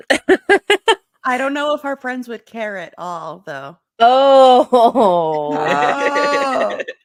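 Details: Adult speaker; typical speech.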